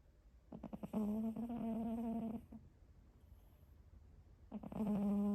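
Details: Cat snoring: buzzing, fluttering snore with two drawn-out breaths and a quiet gap between.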